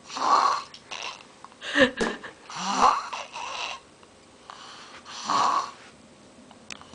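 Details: Irregular rattling snores with snorting breaths, roughly 24 a minute, from a sleeping individual, in a quiet room; ordinary snoring.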